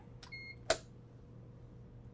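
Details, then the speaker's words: Brief electronic beep then a sharp click as a Puritan Bennett 560 home ventilator powers on with the alarm control button held down to enter the setup menu; otherwise quiet room. "To do that, I need to push the alarm control button while I turn the unit on at the same time. So I'm going to hold this down, turn it on and back,"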